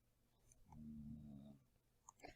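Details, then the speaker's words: A sleeping pit bull snoring in the background of a quiet room: one low, rumbling, buzzing breath lasting about a second. "For any of you those hearing noise in the background, that is my pit bull, Jack, snoring."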